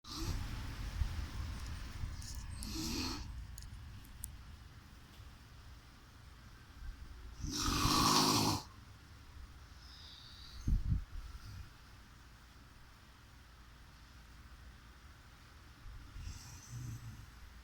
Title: Snore #life#laugh